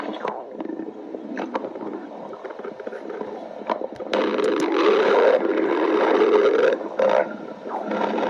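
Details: Low rumbling, gurgling growls with a louder drawn-out stretch midway, gas and fluid moving through the gut: stomach growling (borborygmi).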